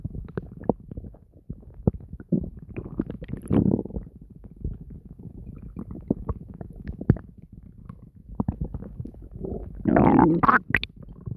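Near-continuous gurgling with clicks and deep rumbling growls, loudest near the end: active bowel sounds, a normal digestive noise.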